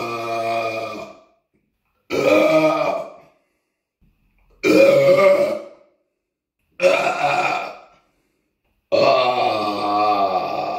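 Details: Burping after drinking cheap cola: five long, loud, voiced burps about two seconds apart, cut together from several recordings; belching.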